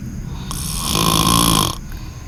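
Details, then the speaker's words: Sleeping person, whom an onlooker jokingly suspects is on Xanax, gives one long, loud, rough snore on an inward breath, with quiet room noise before and after; heavy snoring. "Where the fuck that shit coming from, bruh? Them Xannies, boy. This nigga zombified."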